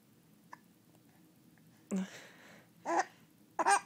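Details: Hiccups: short, sharp gulping bursts in a quiet room, with laughing between them.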